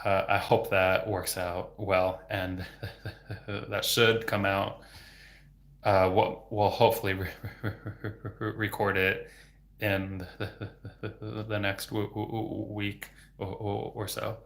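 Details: Adult male speech-language pathologist who has stuttered since age 8, for 26 years, speaking without fluency techniques; stuttering with sound, word and phrase repetitions and blocks.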